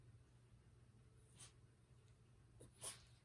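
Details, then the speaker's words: Two brief, sharp sneezes from a pet dog in the background of a yoga class, over a quiet room with low hum; sneeze. "to check in you can hear my dog fozzy sneezing in the background he's breathing too"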